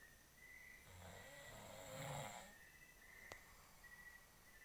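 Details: Adult man (husband) snoring while asleep: a single rough, fluttering snore on a breath in, against a faint steady hum.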